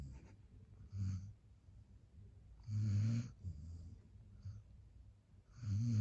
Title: My dog snoring like AN OLD MAN